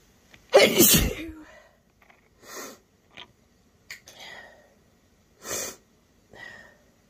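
A loud explosive sneeze followed by several smaller sharp bursts and sniffs: a series of short sneezes.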